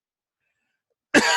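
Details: An adult with a chronic cough stemming from an event a few years earlier, explicitly not coronavirus: chronic cough.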